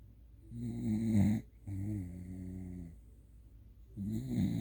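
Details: A male asleep with his head buried in his owner's thigh: deep, droning snores on inhalation and a soft low hum on exhalation, in steady cycles, louder than the owner; snoring.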